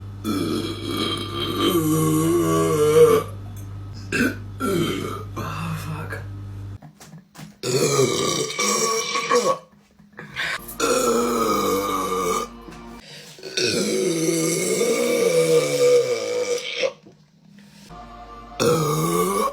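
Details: A woman burping: long, loud, drawn-out voiced belches, several in a row with short pauses between them.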